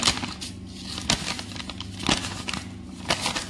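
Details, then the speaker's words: Crumpled paper making bursts of crackling, a teaching imitation of coarse crackles; described as bubbling, usually clearing with coughing, heard in lung abscess or cavitary lesions, sometimes palpable as clicking with palm on chest. "this so this is a course capitation sometime the course reputation is so prominent then you can also appreciate when when you place your palm over the chest like this"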